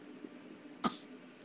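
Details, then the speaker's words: Baby asked to do a fake cough gives a single brief, deliberate cough; voluntary put-on cough, not an illness cough. "Fake cough. Do the fake cough. No. I want a fake cough. Fake cough. Go."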